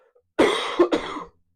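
An adult gives a throaty clearing cough in two quick bursts, harsh and slightly wet-sounding, in a quiet room: a cough.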